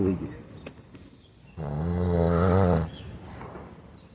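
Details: Sleeping caramel-coloured dog (pb/caramelo) gives one loud, low, vibrating snore lasting over a second against outdoor background noise: snoring.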